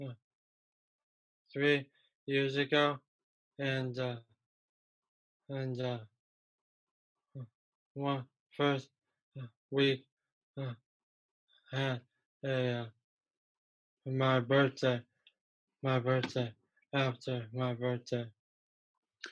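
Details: Aphasia in a young male about 3 years after a stroke from a ruptured arteriovenous malformation at age 15 that caused a coma; a problem getting words out rather than understanding.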